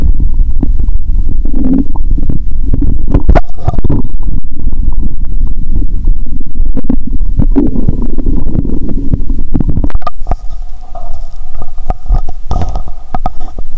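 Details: Stethoscope on the abdomen during a cola-and-Mentos session, pressed firmly then lightly (said to sound better); watery sounds, audible even near the heart: low gurgling rumbles and bubbling with scattered clicks and room noise; active bowel sounds (borborygmi).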